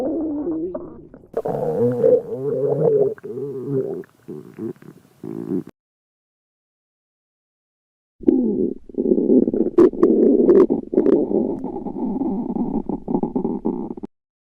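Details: Loud, long gurgling and rumbling stretches of stomach growling (borborygmi), broken by a pause.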